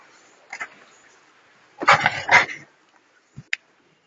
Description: sneezing seal caught on camera